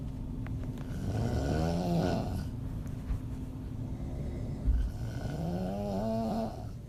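Two loud, fluttering snores with a rising, moaning pitch, roughly three seconds apart; open-mouth snoring.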